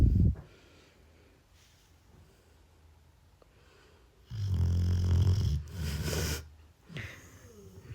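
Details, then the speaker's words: Pet dog Puchu sleeping under her quilt with a toy sheep at 2:30 at night: loud, rough snoring with rumbling snorts between quiet pauses. "ये इसकी रजाई है और इसे देखिए। इसकी खर्राटी सुनिए कैसे सोती है ये।"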